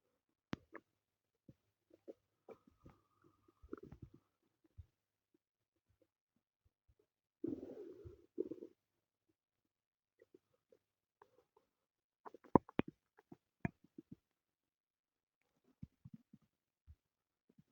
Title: my stomach growling (only audio)